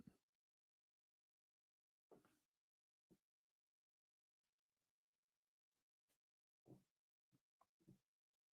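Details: An adult livestreamer who says they still have a dry cough, in a small quiet room: a run of about six or seven short, sharp cough bursts with brief quiet gaps, a dry coughing fit.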